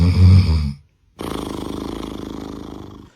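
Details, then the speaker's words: Benign snoring: a deep rumbling snore, a brief pause, then a fast rhythmic fluttering snore; annoying but harmless, not the apnea type. "听上去让人恼火，但还是没什么事情。"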